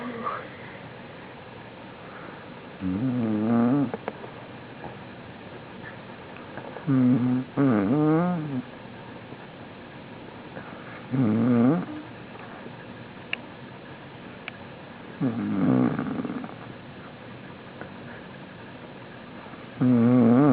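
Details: A male passed out asleep on the floor: rough, rattling snores on the in-breath, about 14 a minute, with quiet pauses between; snoring.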